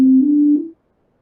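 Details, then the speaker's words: Current-style hospital medical device alarm played as an example in a talk on redesigning device sounds: single short, steady mid-pitch electronic tone fading out quickly; medical device alarm tone. "And so this means we have variations of the sounds that go like this, whereas a current sound in the hospital sounds like this."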